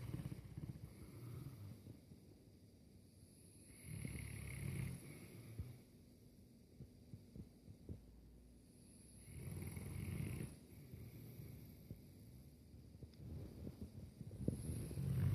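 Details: Two Boerboel dogs asleep on their beds in a lounge: deep, low, rumbling snores come and go at an uneven pace over soft room noise; large dogs snoring in deep sleep.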